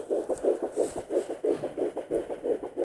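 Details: Fetal heartbeat at 8 weeks 5 days of pregnancy on a Sonoline B home fetal Doppler: fast, regular whooshing pulses at about 175 a minute, found within 5 minutes.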